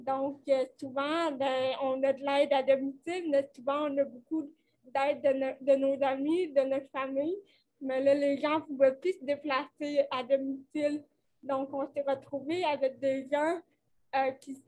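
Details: Dysarthria associated with cerebral palsy in a 29-year-old woman, caused by lack of oxygen at birth; she appears to mention speech difficulties; real conversational French speech.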